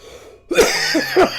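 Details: Old man coughing after vaping: three quick, harsh coughs in a burst, each loud and abrupt, after a quiet start.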